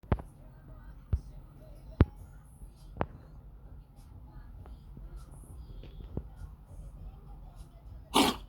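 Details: Cat coughing: several short, sharp hacking bursts about a second apart, a pause, then one louder, rougher expulsion at the end, over quiet room noise.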